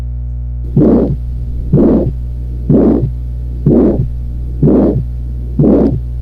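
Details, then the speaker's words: Aortic stenosis, heard at the aortic focus: regular beats about 62 a minute, each followed by a harsh rising-and-falling systolic ejection murmur over a steady low hum; typically grade 3–4, radiating to carotids. "llegamos al tipo, ya sabes que es aórtico, es sistólico y aparte es de característica expulsiva. La intensidad pues va a variar, ¿verdad? En su mayoría los encontramos en 3 o en 4, pero va a variar de lo que tú lo escuches."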